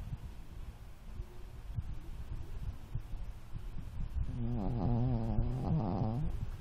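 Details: Snoring in a sleeping dog, owner asks whether it is normal: low rumbling breathing, then a louder rattling, buzzing snore toward the end.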